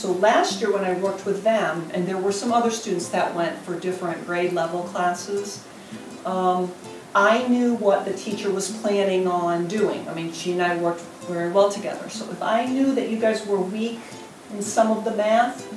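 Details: Adult woman; ordinary speech.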